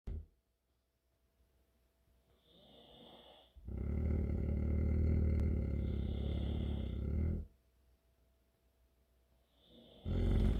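Loud, deep rumbling snore on the breath, with a quieter rasping breath between snores, from a sleeping dog.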